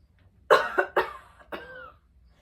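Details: Adult giving three short, deliberate coughs to demonstrate a controlled voluntary cough while checking whether the belly draws in, in a lesson on urinary leakage during coughing.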